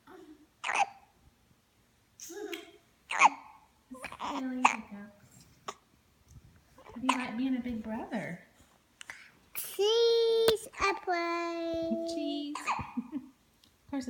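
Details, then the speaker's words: Young boy with hiccups: short, sharp voiced catches recur between the child's vocal sounds. "having hiccups. Hiccups. He has hiccups."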